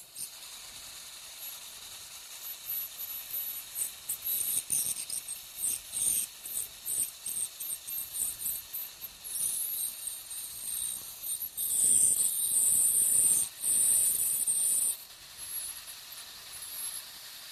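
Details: Piezoelectric ultrasonic bone saw with depth marks cutting crestal osteotomies during dental sinus surgery, near the canine root: high-pitched hissing whine in bursts with steady spray noise.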